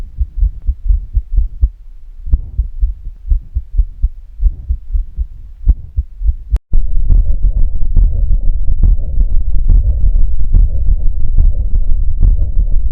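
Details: Heart sounds recorded with a Stethophone device, demonstrating a systolic heart murmur, a marker of a range of cardiac pathologies.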